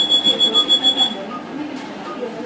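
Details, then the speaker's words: About eight rapid, high-pitched electronic beeps, then quiet room noise: audible alarm tone of a Dräger Savina 300 ventilator during its pre-use self-test, alarm signal check confirmed by operator. "Entonces como escuchamos la alarma le vamos a dar que sí"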